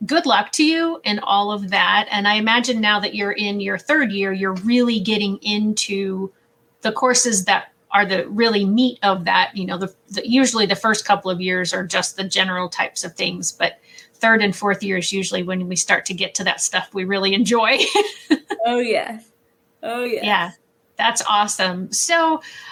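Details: Adult woman speaking; typical speech.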